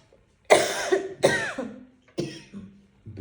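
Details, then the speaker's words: Three forceful, harsh cough bursts in quick succession, each trailing into a strained, voiced tail, from a woman with a persistent chronic cough that recurs, became phlegmy and brings tears; she tries to hold back the coughing. "ब अब ये खासी बस रुकेगी नहीं खाली जबरदस्ती ये चले ही जाएगी रुक गई ना ज कर रखा है इसलिए जबरदस्ती रोक रही है फोर्सफुल खांसी आती है हां प्रेशर लेके आ प्रेशर"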